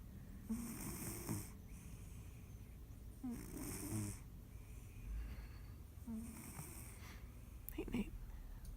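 Three slow, rattling snores with a snorting catch, about one every 2.8 seconds, in a quiet room; a sleeping cat snoring.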